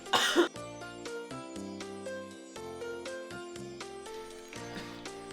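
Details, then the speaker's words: Acted single short harsh cough from a child, the cough persisting despite repeated cough syrup doses, with soft piano music in background. "God, इसकी खांसी फिर से शुरू हो"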